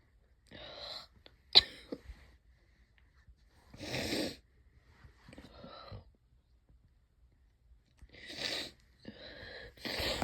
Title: really wet itchy allergy sneezes and a few coughs